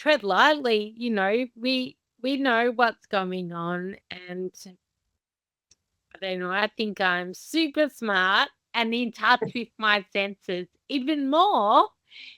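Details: Adult woman with Friedreich's ataxia, a progressive inherited condition damaging nerves and muscles, diagnosed at 17; ataxic dysarthria (slow speech) in Friedreich's ataxia.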